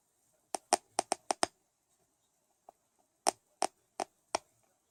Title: Bad Bruxism 2